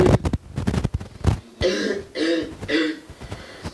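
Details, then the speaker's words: One of four recorded coughs played to an audience asked to judge whether the cougher is actually sick; the cause may be infection, smoking, allergy or voluntary coughing: several short bursts of coughing and throat clearing in a small room. "okay so I'm going to play all four coughs and then just do is to do a show hands will see you"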